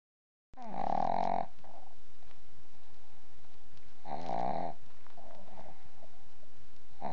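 Loud, nasal, buzzing snorts about every three seconds, with quieter wheezy breaths between them; pug snoring.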